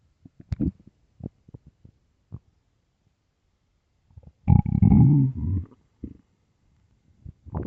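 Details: Early-morning stomach growling: scattered low gurgles and pops, then a longer rolling rumble; ordinary borborygmi.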